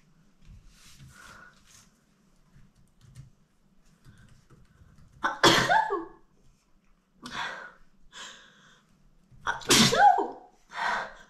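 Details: Adult woman, allergic to dust, in a dusty office gives two forceful sneezes, each preceded by a sharp inward breath, with quieter breathy sounds between them; sneeze.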